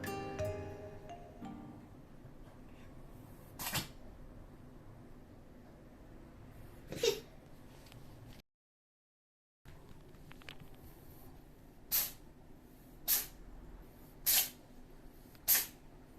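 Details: A pet cat with a cat cold (feline upper respiratory infection), kept fully indoors and under treatment, sneezes about six times in short sharp bursts; an early symptom of cat cold, alongside coughing.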